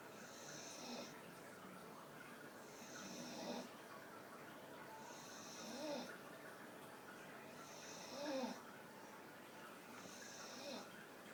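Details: Staffordshire bull terrier snoring while sitting with her eyes wide open: soft, regular wheezy snores on each breath, about 25 a minute, over quiet room noise.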